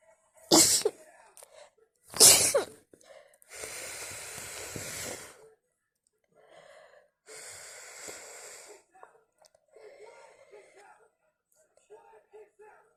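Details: Wet, messy sneezing fit: two forceful wet sneezes followed by sniffing, breathy exhales and quieter noises.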